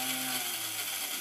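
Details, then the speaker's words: Aseptico peristaltic infusion pump running only while its electronic foot switch is pressed, flow rate set on the front: steady mechanical whirring with a faint ratcheting buzz and low hum. "so just an off switch there and if I turn that to one side when I do press which it begins to word like that now you can control the flow rate on the front and"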